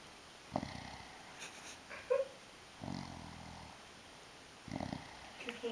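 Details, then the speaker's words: A woman sleeping on her back makes low, rough rumbling snores, one longer snore and shorter snorts between quiet gaps; others say turning her over stops the snoring. "ya está los ronquidos de la chunga primera parte"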